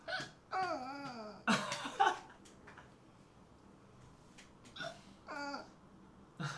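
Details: A streamer hiccups during a live stream: repeated short, abrupt voiced catches mixed with soft vocal sounds and laughter.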